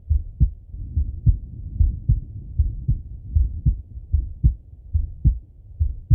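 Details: Steady, regular paired thumps of a male heart at about 74 beats a minute on stethoscope auscultation, with soft breath noise underneath; normal heart sounds.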